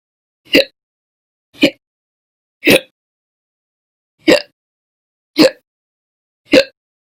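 Six abrupt, sharp hiccup sounds about a second apart, roughly 54 a minute, with silence between: repeated hiccups.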